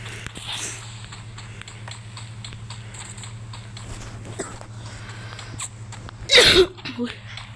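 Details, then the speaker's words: A gamer who says they are ill coughs while playing: a single short, harsh cough burst against steady game sounds and a low electrical hum. "Sorry guys, gua batuk."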